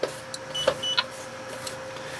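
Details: Alaris SE 7230 infusion pump powering on after IV cassette insertion with latch closed, demonstration cassette: short electronic chirps and a brief mechanical whir over a steady hum; infusion pump power-on sounds.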